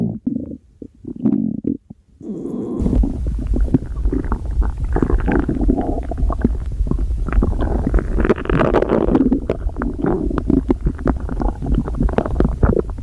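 Low, rumbling, gurgling stomach sounds continue for most of the recording after a few quieter gurgles at the start. Ordinary stomach growling.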